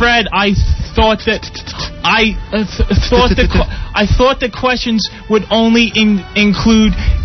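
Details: Man known for stuttering, a contestant on a 2000 radio trivia show, speaking with repetitions: stuttering.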